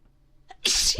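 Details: Woman's sneeze induced by a candle that reliably makes her sneeze: a short inward catch of breath, then one explosive, hissing sneeze; single sneeze.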